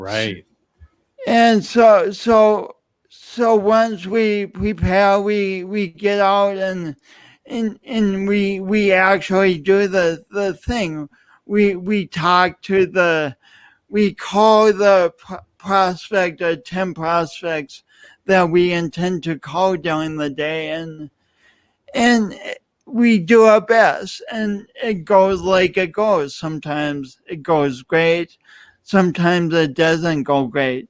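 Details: Adult man with a speech impediment (dysarthric speech), pronounced and lifelong, attributed to loss of oxygen and breath at birth; he also has an unusual walk.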